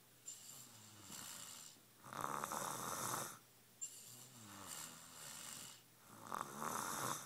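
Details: Snoring: two slow breath cycles, each a low fluttering rattle followed by a louder rushing breath, about 16 a minute.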